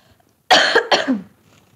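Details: Two quick, harsh coughs from an adult woman on a live stream who says she seems to have the flu and sounds stuffy and raspy.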